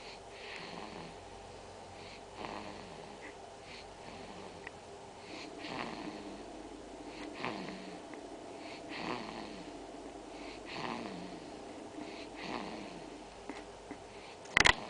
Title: Baby Snores